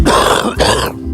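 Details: Cough played in a radio advertisement about coughing and wheezing: cough.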